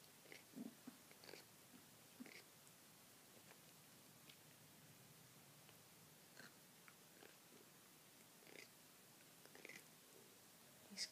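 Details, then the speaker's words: Soft, irregular gritty clicks and scrapes from a cat's mouth in a quiet room. The cat is grinding his teeth and batting at his mouth, cause unknown to the owner: teeth grinding (bruxism). "grinding and kind of batting at his mouth he's grinding his teeth I don't know what goes on in there"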